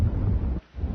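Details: Normal vesicular breath sounds over the lung fields in a thorax and lung assessment teaching demonstration: soft, low-pitched rustling airflow with a brief quiet gap between breath phases; bronchovesicular sounds expected over the main bronchi.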